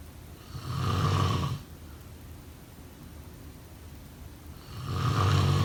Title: Snoring sound… #2